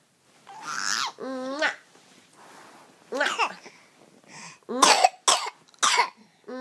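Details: Infant babbles and coos, then gives a run of three or four short, sharp coughs in a quiet room.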